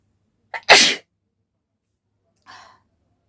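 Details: Deliberately induced sneeze in a sneezing challenge, with the nose tickled by a folded paper strip and no handkerchief used: a short catch of breath, then one sharp, explosive sneeze.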